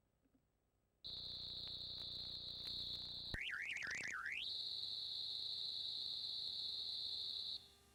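A steady high-pitched hiss, cricket-like, interrupted briefly by a warbling sweep; a 4 kHz third-octave noise band used for hearing protector threshold testing.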